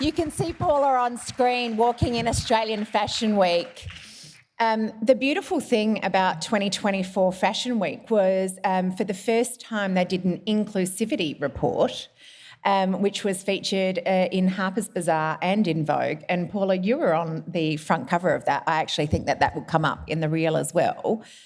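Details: Adult woman speaking; ordinary speech.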